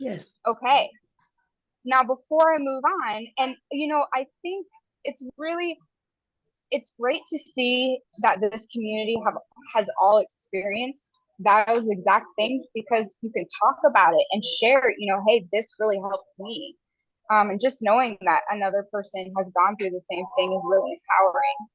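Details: Adult woman speaking; normal speech.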